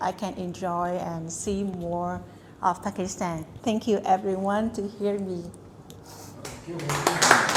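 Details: Adult woman; fluent speech.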